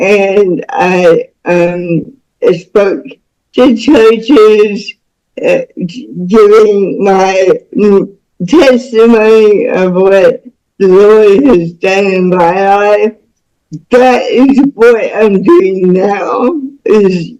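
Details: Speech of a woman about to turn 49 with lifelong cerebral palsy involving spasticity, born with the umbilical cord around her neck five times; doctors said she would never walk or talk.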